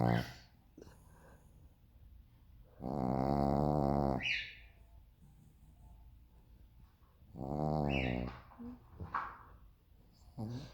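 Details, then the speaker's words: Sleeping female: two loud, rattling, buzzing breaths through the nose and throat separated by quiet pauses; ordinary snoring during sleep. "Meu Deus, que ronca. É só ela que rompendo o o pai dela."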